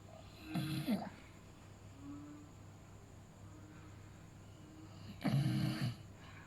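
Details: Sleeping Beagle dog: two loud, rattling snores about five seconds apart, with soft breathing and faint whistly sounds between them; snoring.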